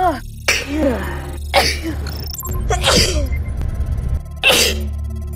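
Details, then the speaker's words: Several sharp bursts of air with a vocal onset over background music: ordinary sneezing. "yes I got another one"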